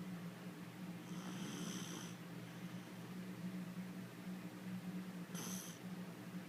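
Soft, low rumbling breaths during sleep with a steady hum in the room: light snoring.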